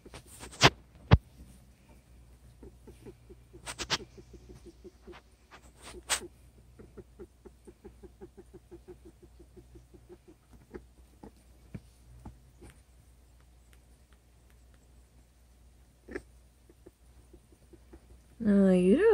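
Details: Sick male pet rat started on doxycycline and Baytril, making severe respiratory noises: soft, rapid clicking and squeaking with each breath, about 125 a minute, against room hum.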